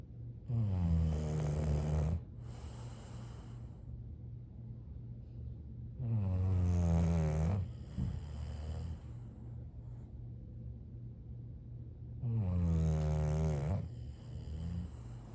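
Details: Sleeping bulldogs snoring: loud, low rattling snores on each breath in with quieter whistling breaths out, about 10 breaths a minute; steady snoring.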